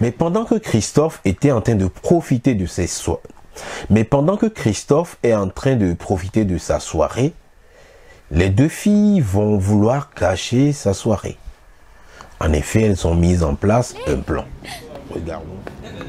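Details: Adult male narrator speaking French; ordinary speech.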